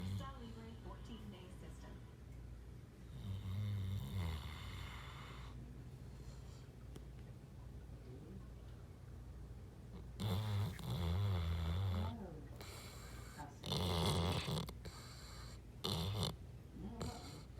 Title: Saint Bernard Snoring and Dreaming